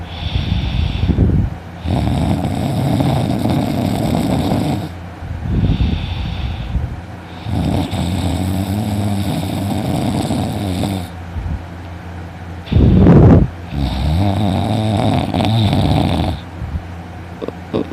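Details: Person sleeping in, snoring loudly and waking with a sore throat: loud, rough, rattling snores on each breath in, about four cycles in eighteen seconds, with a snort partway through; heavy snoring.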